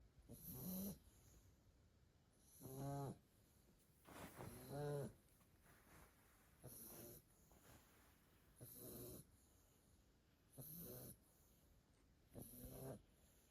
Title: CANE CORSO & PITBULL Puppies Snoring 😴 💤 #shorts #canecorso #bigdog #pitbull